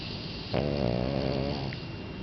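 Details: Sleeping Boston Terrier dog snoring: a low, rattling snore swells through one drawn-in breath against quiet room hiss; ordinary snoring.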